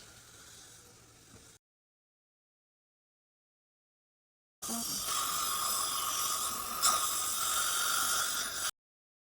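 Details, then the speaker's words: Steady high whirring hiss of a dental polishing handpiece using fine-grit paste to smooth tooth surfaces at the end of a professional dental cleaning, making it harder for bacteria to attach. "But we polish them to meet make the tooth surface as smooth as possible because that makes it a lot harder for the bacteria to attach to it."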